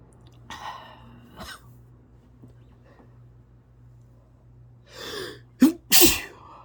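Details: Brief sneezing fit with spray: soft sniffs building to a quick run of about three sharp sneezes close together at the end.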